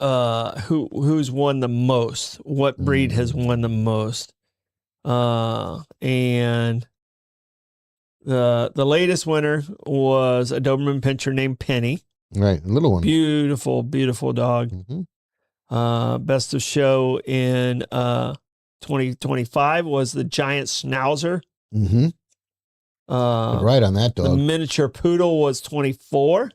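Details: Stuttering in a male speaker who himself describes having a stutter.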